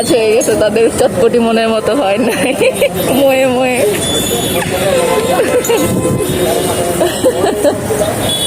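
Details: Adult speaker; no voice disorder.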